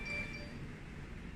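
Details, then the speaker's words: S1100A ICU ventilator, standby button held for three seconds: brief clear electronic tone over steady machine hum, the ventilator's standby signal, a normal operating sound. "last one is a standby function once we finish our operation for a patient or we change the venture to another usage of out of the patient let me press the standby function for three seconds"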